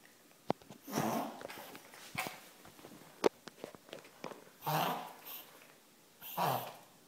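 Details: Tracheal collapse versus reverse sneezing: 1-year-10-month-old Morkie or Maltipoo makes repeated harsh snorting, honking breath bursts indoors; vet diagnosed collapsed trachea without X-ray, owner wonders if it is reverse sneezing.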